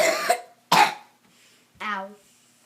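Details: Child coughing: two loud, harsh coughs then a brief voiced sound in a quiet room; the child denies throat pain but says his chest feels strong when coughing.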